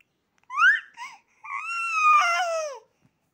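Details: Baby crying in a quiet room: two short whimpers, then a longer rising-falling wail; ordinary infant crying.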